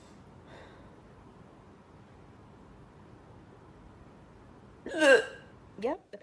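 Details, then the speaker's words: Woman with hiccups: quiet room, then two sudden, sharp gulping hiccups about a second apart. "And these are what my hiccups sound like."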